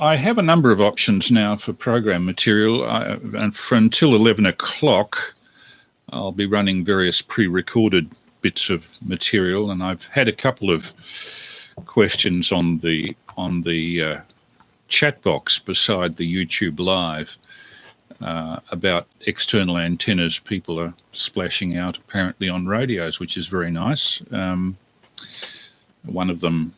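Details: Adult male speaker; normal speech.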